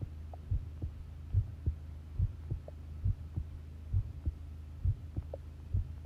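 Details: Long heart sound recording of a pounding heartbeat: regular low thumps at about 70 per minute over a steady hum; normal heart sounds.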